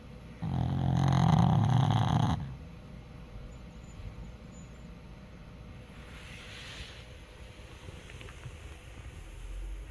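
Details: A single loud, rumbling snore on a breath in from a sleeping pug, followed by quieter breathing: dog snoring.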